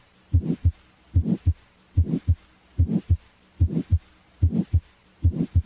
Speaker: for example a mid systolic murmur as heard in physiologic flow murmurs or aortic stenosis begins after s1 and stops before s2